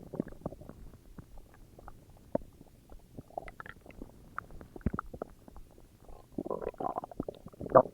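Gurgling, bubbling rumbles and squeaks from the belly, louder toward the end: ordinary stomach growling, normal bowel sounds.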